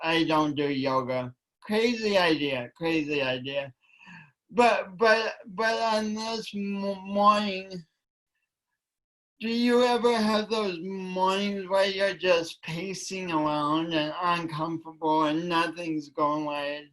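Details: Female speaker with a self-described speech impediment affecting her voice and coordination, which she tried to deny for years; speech impediment.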